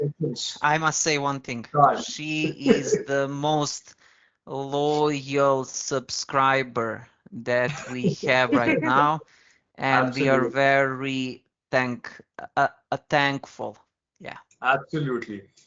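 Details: Stuttering (stammering) in an adult man who has used very slow speech to control it.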